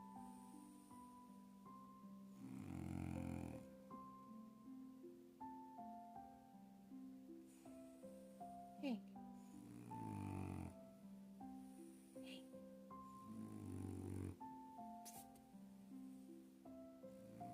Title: Hank the #Frenchie Snoring Loudly. He Can't be Bothered... 😴